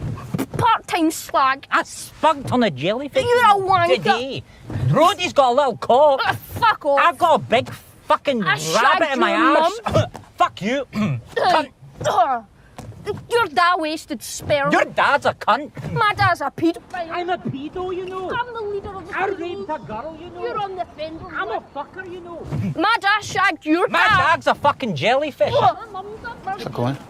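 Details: Acted portrayal of a man with Tourette syndrome whose symptoms began at age 12 and who was diagnosed at 25; tics include uncontrollable outbursts, often cursing; Tourette syndrome with coprolalia (vocal tics).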